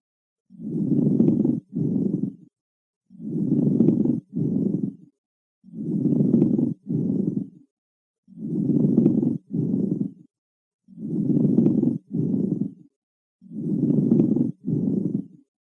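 Coarse, grating rubbing sounds in both breathing phases, about six cycles, typical of a pleural friction rub.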